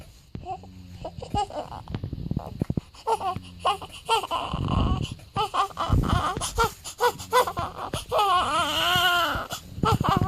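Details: Crying of a one-week-old newborn baby boy on his seventh day, the day of his final weigh-in before going home: bursts of crying with whimpers and breaths between, in a small room; an ordinary newborn cry.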